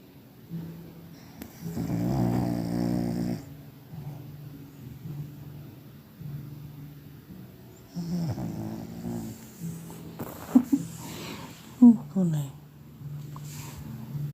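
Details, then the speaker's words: Puppy asleep swaddled in a dressing-gown sleeve, snoring: buzzing, low snores with quieter rumbling breaths between them and a few sharp clicks. "She's gone to sleep and snoring even though I thought she looked like EG phone home."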